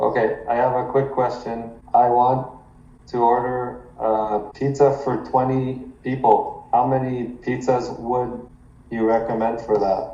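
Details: 33-year-old man who has stuttered since early childhood and had speech therapy from age 5, making a phone call as a speaking challenge during a stuttering course; stuttering.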